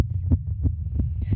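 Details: Very fast, regular heartbeat of a girl, described as excited during a performance, picked up by a microphone; rapid thumps at roughly 180 beats a minute over a low hum; tachycardia.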